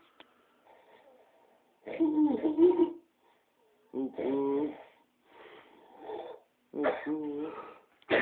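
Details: Snoring during sleep: rough, voiced snorts in short bursts about every one to two seconds, some with a rising whoop-like tone.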